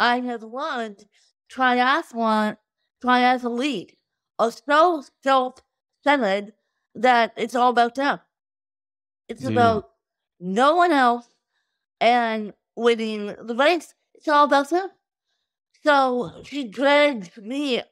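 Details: Adult woman with cerebral palsy since birth from lack of oxygen at birth; wheelchair user with difficulty speaking, sitting up and eating, and easy fatigue; dysarthria (cerebral palsy).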